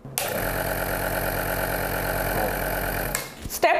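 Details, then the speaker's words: Home nebulizer compressor switched on to check the connection: a click, then a steady buzzing motor hum for about three seconds before switching off. "अब इन चौक के switch को on करेंगे जिससे हमें पता चलेगा कि मशीन कनेक्टेड है"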